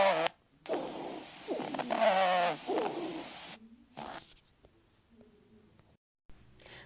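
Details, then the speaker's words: Rhonchi in a teaching example of breath sounds: a coarse, low-pitched snoring rumble through a long breath, caused mainly by secretions in the airways. "Para roncos, estas son sobre todo el resultado de la presencia de secreciones en las vías respiratorias."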